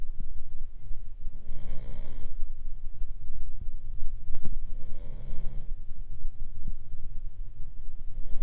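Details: Boston terrier asleep: two deep, rumbling snores about three and a half seconds apart over constant low background noise; snoring.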